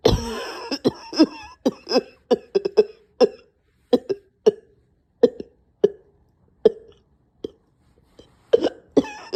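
Repeated harsh cough bursts, about fifteen in nine seconds, some run together, with strained breaths between; a severe coughing fit.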